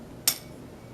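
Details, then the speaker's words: A single sharp metallic tap as a tuning fork is struck to begin a Weber test during a patient's physical exam, after a Rinne test showed air conduction better than bone conduction. "the Weber test will demonstrate for us which which ear has the better acuity for hearing"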